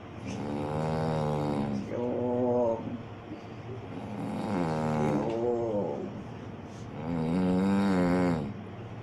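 Loud, rough, voiced snoring on each breath, about three long snores in nine seconds, with faint room noise.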